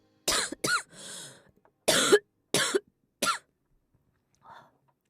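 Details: Five sharp, harsh cough bursts with a breathy inhale between them; a dry-sounding cough from a girl with a cold that worsened after she thought she had recovered, her throat strained from recording singing.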